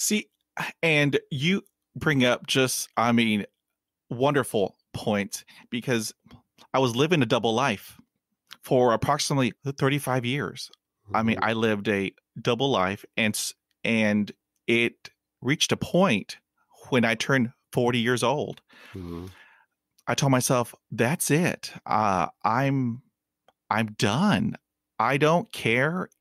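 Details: Adult male who hid his stuttering for about 35 years and still stutters; stuttering.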